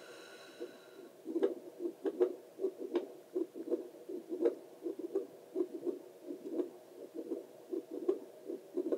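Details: Adult's own heartbeat recorded with a Doppler for relaxation: rhythmic whooshing pulses around 80 a minute over a soft steady hiss; normal heartbeat.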